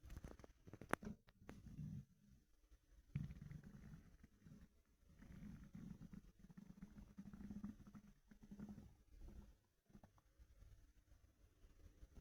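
Quiet, low rumbling gurgles in irregular waves, muffled by fabric, with a few rustles; ordinary empty-stomach growling.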